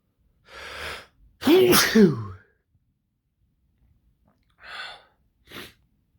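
Sharp gasping in-breaths building up, then a forceful sneeze and a few quieter breaths.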